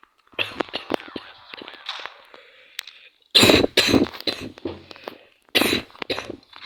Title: сарян за кашель я болею